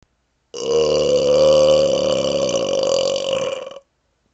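One long, loud, steady-pitched belch lasting about three seconds; burping.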